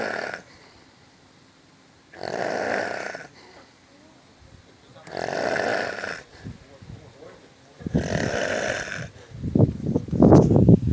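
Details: Asleep in a pool after swimming: loud, harsh snores about every three seconds, with splashing and movement noise at the end, snoring during sleep.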